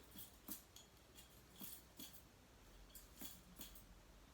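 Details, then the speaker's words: Tympanic percussion note over the right upper abdominal quadrant of an 18-year-old during an abdominal exam: about eight soft, hollow drum-like taps with the fingers, a normal finding. "this is a hollow drum like sound that i'll hear in all four of your quadrants"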